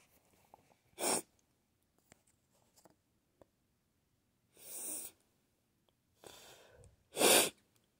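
Three sneezes in a row, one sharp, one muffled and partly stifled, and a loud final one, with soft breathy build-ups between.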